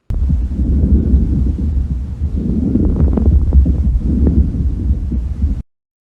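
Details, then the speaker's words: Coarse crackles (subcrepitant rales) from fluid in the bronchi or alveoli: low rumbling breath sounds with scattered bubbling pops in both inspiration and expiration, said to clear with coughing. "Y los subcrepitantes, que se presentan en ambos tiempos respiratorios y desaparecen con la tos."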